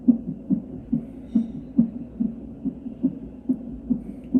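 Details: Fetal heart sounds on an electronic fetal monitor (cardiotocography/non-stress test) recording fetal heart rate and maternal contractions: quick soft whooshing beats around 130–140 per minute, normal fetal heart rate.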